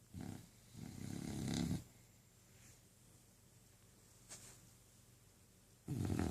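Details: Dog fast asleep and apparently dreaming, snoring loudly: low rattling snores in bursts with quiet pauses between them.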